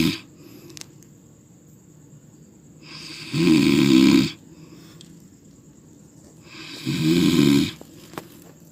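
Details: Heavy snoring from a sleeping person: two loud, rattling inspiratory snores about four seconds apart, roughly 15 breaths a minute, with quiet breathing between them.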